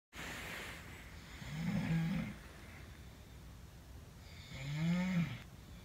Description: At the Plumbing Hacks Convention and my roommate’s Snoring is keeping me awake.